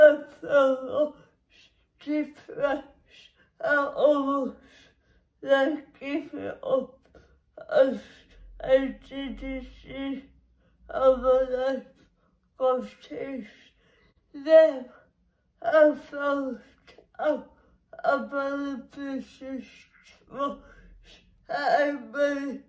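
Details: Woman with cerebral palsy, which she says makes her muscles and movements difficult; dysarthria in cerebral palsy.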